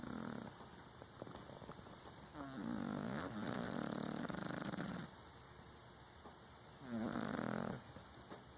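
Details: Sleeping Exotic Shorthair Persian cat snoring: two rough, buzzing snore breaths about four seconds apart, with quiet breathing between.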